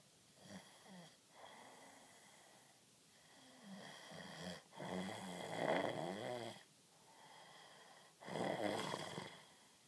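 Repeated snoring breaths, harsh rattling snores with a faint whistling edge, in a quiet room.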